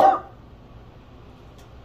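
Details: Single short cough from an adult woman, sick at home with a lingering cough while doing a home COVID-19 test, followed by quiet room noise.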